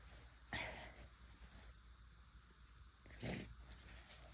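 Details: Induced sneezing after first-time use of chhinkni sneezing powder: two forceful, explosive sneezes about three seconds apart over steady room noise.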